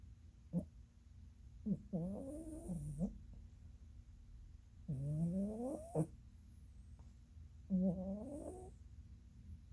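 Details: Norwegian Forest Cat napping: soft, buzzy snores in short bursts a few seconds apart over a steady low room hum.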